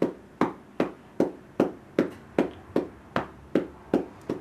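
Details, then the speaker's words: Cupped-hand chest percussion on a girl's chest during home chest physiotherapy, which she tolerates well: steady hollow clapping at about 154 per minute. "There are some days where she doesn't care for it, but she does like it. So again, just nice beat of percussions."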